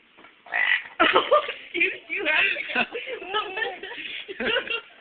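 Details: Loud deliberate burping: a long, croaky, gurgling belch stretched over several seconds.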